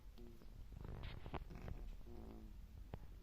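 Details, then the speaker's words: Pigeon with lung-origin respiratory illness: low rattling, purring breath sounds with brief tonal whistles, a wheeze. "görüyorsunuz arkadaşlar hırıltı var hırıltıyı görüyor musunuz bilmiyorum Evet arkadaşlar bu şekilde ses çıkartıyor"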